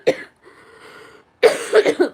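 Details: Adult sick for over a week, just started an antibiotic and steroid: a sharp cough, a brief rough exhalation, then three or four harsh coughs in quick succession.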